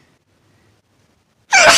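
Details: Girl, who says she thinks she is coming down with a cold: silence, then a sudden sharp, loud in-breath gasp, like the breath taken just before a sneeze.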